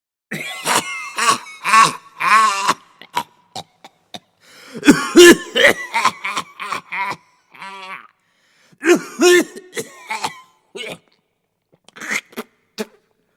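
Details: Repeated harsh, wet coughs and throat clearing by an adult, with spitting sounds between bursts; a free-to-use sound-effect recording.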